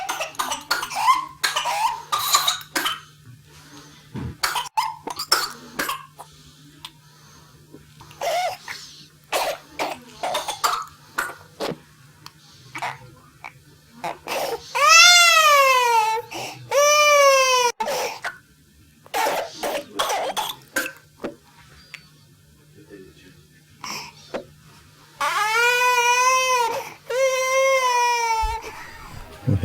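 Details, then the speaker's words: A child in runs of rapid paroxysmal coughs, each broken by a long, high-pitched crowing whoop on inspiration, with shortness of breath, redness then cyanosis and vomiting described; whooping cough (pertussis, Bordetella pertussis). "with an occasional irritating cough that gradually becomes paroxysmal with cough after cough after cough and the child becomes more and more short of breath to the extent where they become initially red and then blue in the face and they have a sharp intake of breath called a hope hmm and then they often vomit as well"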